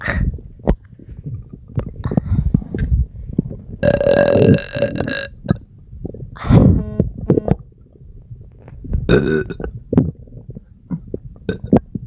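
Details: Low gurgling abdominal rumbles and stomachache sounds broken by several loud, drawn-out burps; stomach rumbling with belching.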